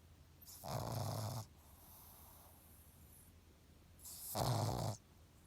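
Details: Pug, a flat-faced dog, whose snoring sounds human: two loud, low rattling snores about four seconds apart, with a quieter breath between; snoring.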